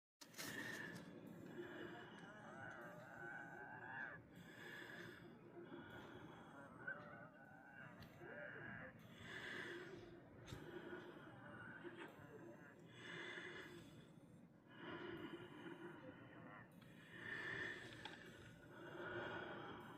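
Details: Repeated noisy breaths with high, whistling musical tones persisting breath after breath in a person with asthma and upper respiratory illness who can't stop wheezing: wheezing.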